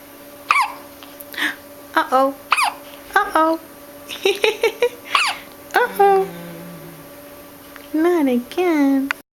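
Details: Baby in the NICU: short, sudden gulping catches at irregular intervals among the baby's vocal sounds, over steady room hum. Hiccups.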